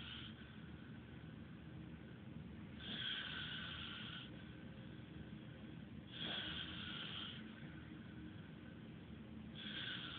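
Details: Loud rasping snores on breathing in, about every three seconds over steady room noise; ordinary snoring.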